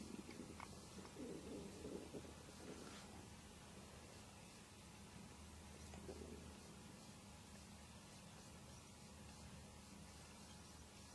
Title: real stomach noises